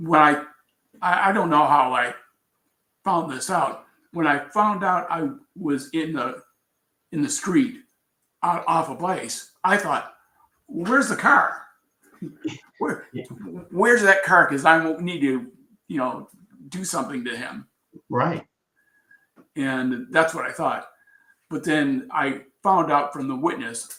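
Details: Adult man with aphasia after a traumatic brain injury from a bicycle accident about four years earlier, followed by coma; word difficulty noticed on waking, still recovering.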